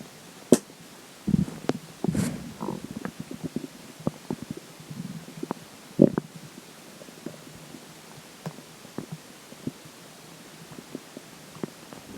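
Irregular gurgles, pops and bubbling squelches over about twelve seconds: ordinary stomach and bowel gurgling.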